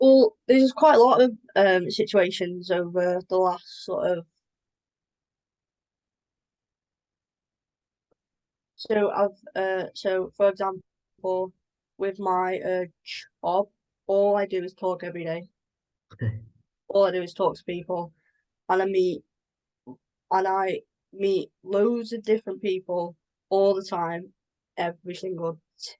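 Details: Adult woman with a stammer involving blocks; stammering (blocks).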